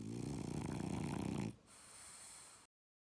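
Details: Dog snoring close to the ear: a rough, fluttering snore on one breath, then a softer airy breath out.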